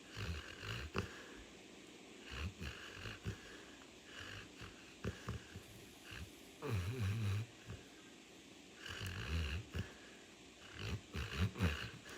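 Loud, irregular, pig-like snorting snores with some wheezy notes, about five snoring breaths in twelve seconds, from a sleeping dog.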